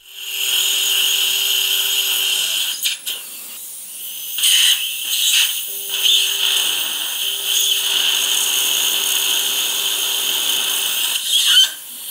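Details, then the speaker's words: Dental implant drilling in a 62-year-old man, using a positioning guide for lower left implants #34, #36 and #37: a slide cutting drill widens the site distally. Steady high-pitched drill whine runs in bursts with hiss of irrigation. "Slide cutting drill is going to be used to expand distally. Distal expansion has been done."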